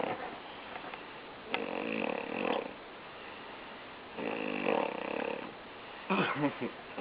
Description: Behold, the most annoying snore ever